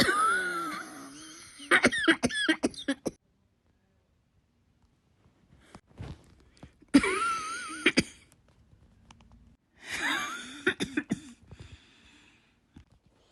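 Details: Three bouts of harsh, rasping, strained coughs, each followed by quick short coughs with quiet gaps between, from a person sick with flu; coughing during flu.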